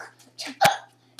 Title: 4 Year Old Ninja Girl with Hiccups